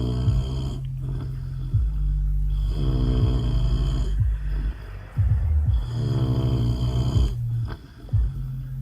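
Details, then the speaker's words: Adult man (husband) snoring while asleep in a car after an outing: loud, rattling snores with each breath in, about three in nine seconds, over a low engine-like hum. "Look at him, just snoring his ass off."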